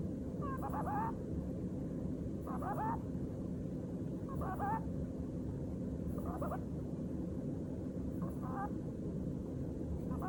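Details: Pet Netherland Dwarf rabbit asleep in the next room, recorded with the camera left alone: faint, squeaky, whistling breaths recur about every two seconds, roughly 31 a minute, over steady room hiss: rabbit snoring.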